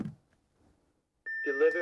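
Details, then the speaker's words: Simulated out-of-hospital cardiac arrest in an EMT psychomotor skills exam: a training AED gives a steady high electronic shock-advised alert tone as the rescuer calls to stay clear. "right everybody clear delivering shock okay go ahead and continue compressions"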